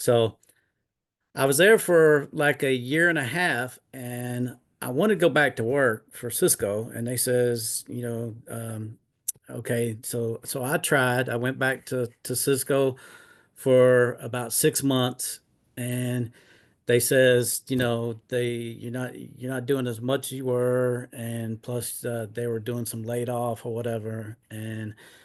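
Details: Adult man with aphasia caused by a stroke in 2016, almost nine years earlier.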